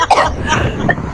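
A short, harsh cough from an adult, with a second fainter burst near the end. The cough is acted.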